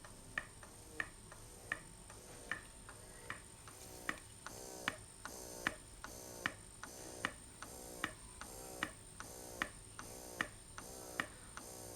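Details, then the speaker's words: Tubeless hands-free Boboduck electric breast pump at suction level 9 in massage mode: quiet, regular clicking cycles, about 76 a minute, each with a brief rising whir; described as very low noise, barely audible. "Okay, this is the pump in its suction level 9 of its massage mode. Okay, I think my camera is probably picking that up. It's barely anything. If you're talking over it, you wouldn't actually hear it that much."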